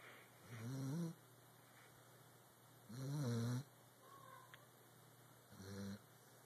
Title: Rascal Snores